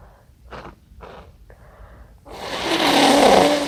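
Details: Congested person sneezing after white pepper: several short, wet, snuffly bursts through a blocked nose, then a louder forceful sneeze.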